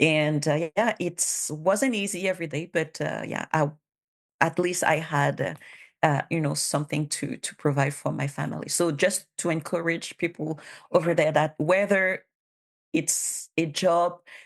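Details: Stuttering in a bilingual adult woman who stutters, a public servant who self-declared her stutter as a disability, supported by documentation from a speech therapist, for a language test.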